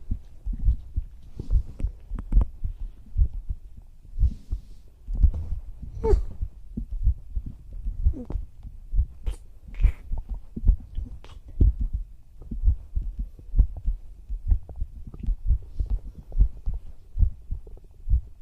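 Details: ASMR roleplay with a whispering female voice, her own heartbeat heard at her chest: steady soft low thumps of a resting heartbeat; normal heart sounds.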